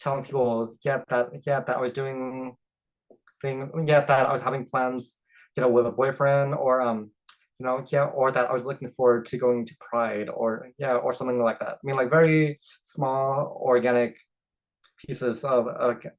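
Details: Adult man who identifies as a person who stutters, speaking with part-word repetitions and interjections; stuttering.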